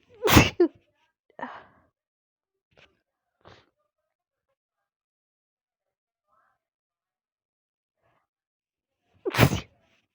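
Two sharp, explosive sneezes about nine seconds apart, with a few faint breaths and sniffs between them.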